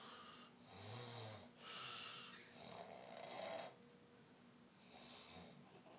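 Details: Sleeping pet animal snoring: soft rasping snores rise and fall with each breath, about three cycles in six seconds.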